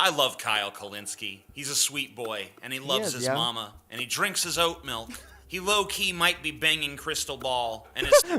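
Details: Adult male speaker; typical speech.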